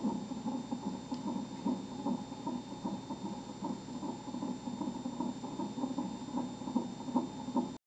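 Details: Fetal heartbeat on Doppler at 26–27 weeks of pregnancy: rapid, regular whooshing at about 150 beats a minute, a normal fetal rate.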